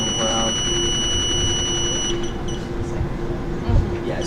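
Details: High steady electronic alarm tone from a Stryker electric stretcher's alarm during a demonstration, with room noise and talking.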